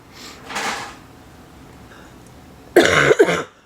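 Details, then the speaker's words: Cough from an adult sick with a bad chest cold later diagnosed by a doctor as influenza B, voice affected. "I got a cold really bad chest cold last week went to the doctor and they said it was influenza"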